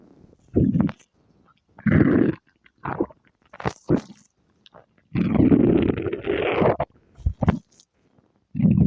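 Low, gurgling rumbles in irregular bursts with quiet gaps: ordinary stomach growling.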